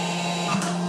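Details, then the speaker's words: Comfort Cough SICC2001 mechanical insufflator-exsufflator (cough assist) running a set cycle of inhale, exhale and pause with the keyboard locked, with a circuit and mask attached: a steady motor hum with a brief rise in pitch, normal device operation. "мы можем заблокировать клавиатуру и зафиксировать этот режим запускаем и он будет при заданных параметров проводить процедуру вдох"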